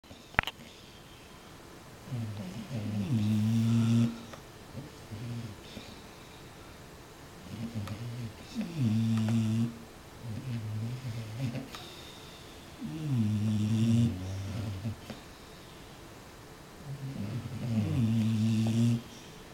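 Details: Sleeping bulldogs: rhythmic, low, buzzing snores with each breath, about 12 breaths a minute, in a quiet room; snoring.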